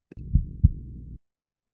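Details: Heart sounds recovered through a low-cost earphone in the ear canal: one soft lub-dub pair of low thumps over a steady low hum; normal heart sounds.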